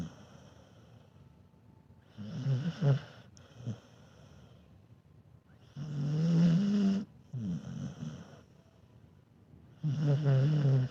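A sleeping dog gives soft, irregular, fluttering snores on both breathing in and out, about 15 a minute. Mild snoring.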